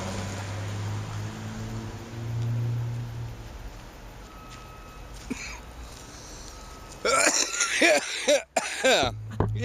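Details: After several seconds of low outdoor hum on a foggy day walking a dog, an adult gives a short run of loud coughs.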